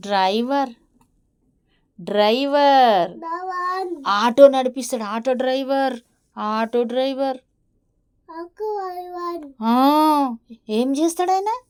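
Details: 3-year-old child with a cochlear implant after one year of auditory verbal therapy, in Telugu conversation with a therapist; speech of a child with a cochlear implant.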